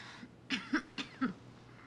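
Four short, voiced coughs in quick succession from an adult woman, acted for a film scene.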